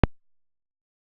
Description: Young deer sneezing from C'mere deer attractant